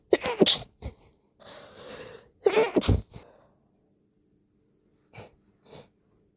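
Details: Sneezes induced by first-time use of chhinkni (sneezing powder), helped along with a rolled-up napkin, some stifled; several forceful explosive sneezes in quick succession, each with an indrawn breath before, then two softer sniffs: sneezing.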